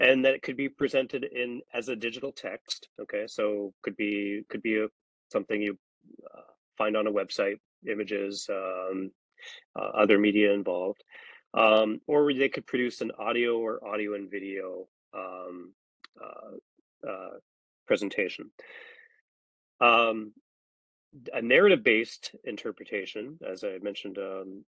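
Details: Adult man speaking; normal speech.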